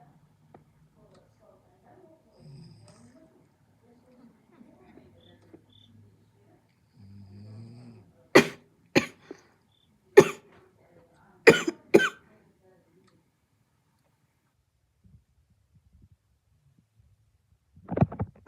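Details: Soft, low snoring sounds followed by a short run of about five sharp coughs, with one more cough at the end; cough.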